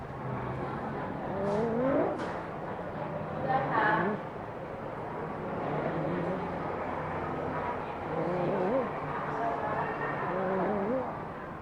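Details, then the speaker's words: Child with harsh, high-pitched noise on inspiration, heard best with the ear close to the mouth; inspiratory stridor. "cet enfant fait un bruit rocard l'inspiration cet enfant a un ce prix d'or"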